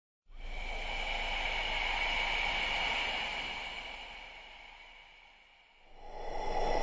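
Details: Breath sounds from an anatomy-physiology recording: a long, airy breath swells and fades, then a second breath begins, with a hollow, slightly eerie hiss.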